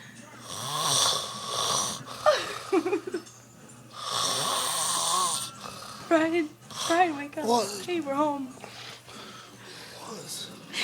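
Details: Two long, loud, rattling "chainsaw" snores, then snorting and wavering voiced breathing, from a person passed out asleep on a couch; heavy snoring.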